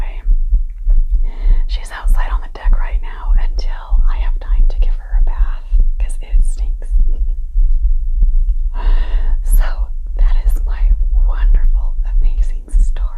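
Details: Adult's own pounding heartbeat recorded after yardwork, recovering from about 120 BPM: a fast, strong beat near 100 a minute under soft ASMR whispering, settling after exertion.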